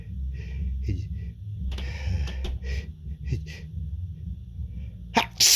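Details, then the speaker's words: Built-up sneeze: short gasping breaths after a nose tickle, then a sudden "achoo" sneeze burst, over low room hum; sneezing. "I feel a tickle. I think of a sneeze. Achoo!"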